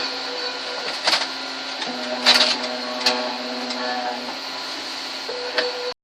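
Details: Steady mechanical whirring and motor hum with occasional clicks and clunks from a running prototype mechanical ventilator built to fight COVID-19.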